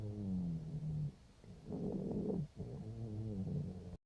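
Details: Low, rough, snoring-like stertor with each breath, about 45 per minute, in a female cat 5 days after laryngeal tie-back surgery.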